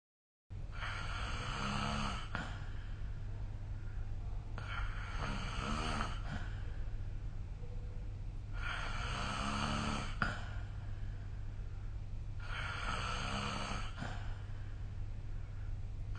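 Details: Snoring recorded with a snore-tracking phone app: regular loud, rasping snores on each in-breath, about 15 a minute, over a steady low hum.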